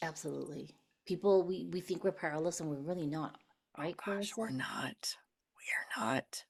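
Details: Adult women in conversation; normal voice.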